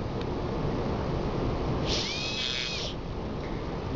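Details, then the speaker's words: Dental student trimming an acrylic interim restoration with a handpiece bur down to the finishing line, using the side of the bur and avoiding the contact area: high-pitched bur whine over background hum. "So I'm just going to take it down just to where that finishing line is, okay? Remember, don't touch your contact area. And use like the entire length of the burr."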